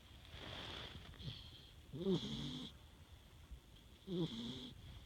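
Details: Soft, low snoring breaths with a faint whistle, about every two seconds, from a sleeping pet.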